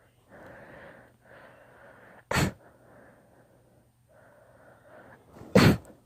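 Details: Long induced sneezing fit: noisy, drawn-out breaths building up between two forceful explosive sneezes.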